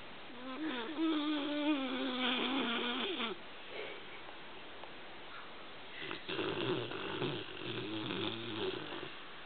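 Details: Dog asleep on a sofa, snoring: drawn-out, rattling, growl-like snore followed by a softer snore.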